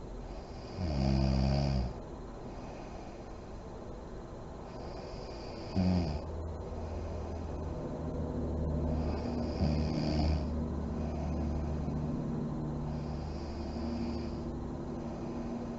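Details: Sleeping mother in deep REM sleep, lights on: low rumbling snores with soft fluttering lip blowing and deep slow breathing, steady room hum underneath; snoring.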